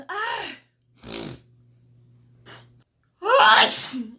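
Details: Woman's sneezing fit during an allergic rhinitis attack: several sharp, explosive sneezes with voiced gasps between them.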